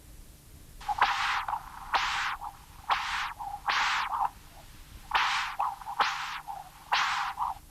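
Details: Continuous-wave Doppler signal of tricuspid regurgitation, velocity 1.8 m/s, recorded with a non-imaging transducer at the apical position, in a patient with congenital severe tricuspid stenosis (valve area 0.9 cm², thickened immobile leaflets, markedly enlarged right atrium).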